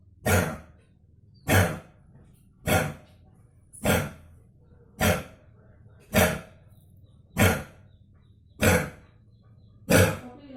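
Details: Nine harsh, even cough bursts from a pet dog about every 1.2 seconds, roughly 49 a minute; a repeated dry hacking cough, owner asking what medicine to give.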